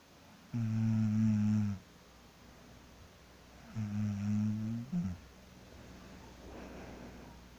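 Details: Person snoring loudly while asleep after work: two low, steady, droning snores about three seconds apart in a quiet room.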